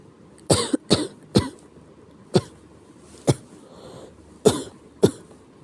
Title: 気持ち悪い咳 sick cough